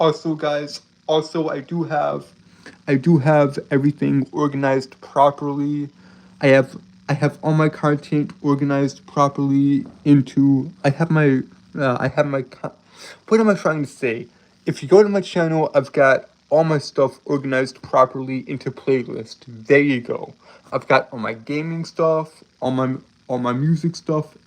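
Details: Male streamer with a self-reported speech impediment and stuttering: stuttering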